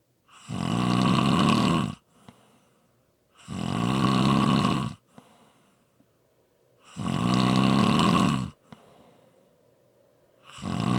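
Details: Loud, rattling snores on each in-breath, about 19 a minute, with quiet out-breaths between; snoring.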